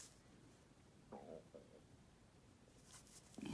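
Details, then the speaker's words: In a quiet room, a short low gurgling, squeaky, grunt-like rumble sounds twice: stomach growling (borborygmi) from an empty stomach before breakfast. "sorry if you can hear my stomach growling on the video I haven't had breakfast yet"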